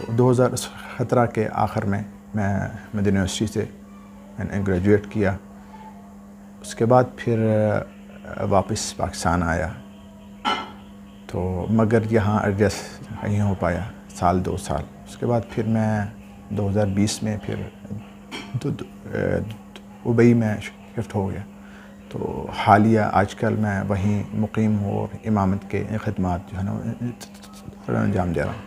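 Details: Adult male imam, Urdu speaker, with a stammer since about age 12 that began while memorizing the Quran; treated by various doctors; sound repetitions and pauses before a word: stuttering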